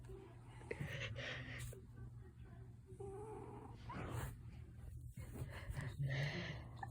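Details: Low, rumbling snore-like breathing with irregular snorts and small vocal bursts from a sleeping pet while dreaming; snoring.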